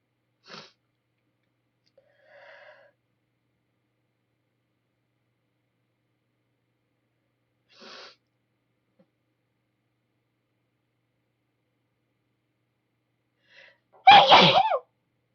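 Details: Soft breath intakes building to one loud explosive sneeze in a quiet room, from a female with a nasty cold who can't stop sneezing and sniffling.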